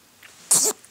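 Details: Baby boy sneezing: single sharp hissing burst about a fifth of a second long, an infant sneeze, in a quiet room.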